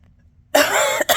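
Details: A single harsh cough burst with a short follow-on catch from an adult woman during her second COVID-19 infection, with heavy congestion and severe cold- and flu-like symptoms.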